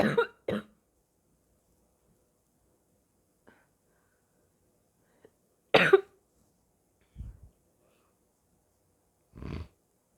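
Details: A few harsh barking coughs spaced apart, with lower gagging and spitting between them, from a person who says they are very sick.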